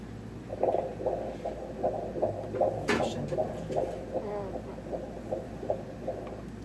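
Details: Fetal heartbeat during a congenital anomaly scan ultrasound, heart size and position checked: rapid whooshing pulses at roughly 150 a minute over a low hum.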